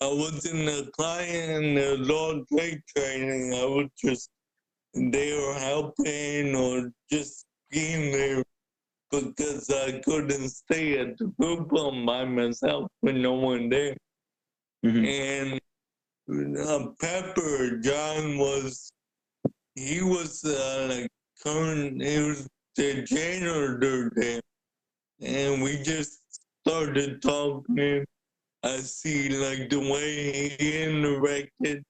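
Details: Adult man born with cerebral palsy, a wheelchair user with physical limitations, for whom speaking is noted to be hard; dysarthria (cerebral palsy).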